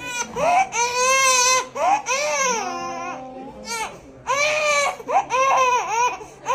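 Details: Newborn crying after an intramuscular injection in the hip, a post-birth vaccination: loud, high-pitched repeated crying bursts with breaks for breath; infant pain cry.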